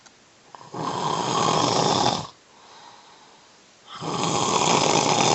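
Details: Adult man with sleep apnea, recovering from a cold that makes breathing hard at night, snoring in sleep; long, loud, harsh rattling snores on each in-breath with quieter breathing between.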